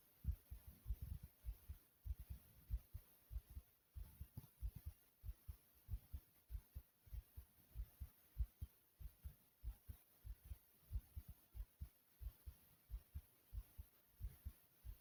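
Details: Self-recorded pounding heartbeat, noted as fast: strong, deep thumps at roughly 95 beats a minute.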